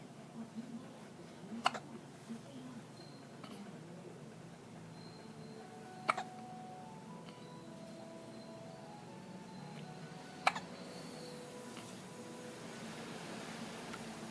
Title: her hiccups